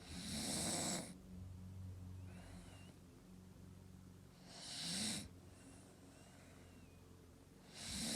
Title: Staffy snoring video 7